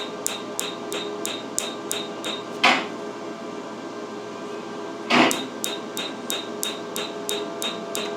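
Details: Picosecond (PicoWay) laser tattoo removal on a numbed patient's first session: sharp, evenly spaced snapping clicks over steady machine hum, with two louder hissing bursts as laser pulses shatter ink.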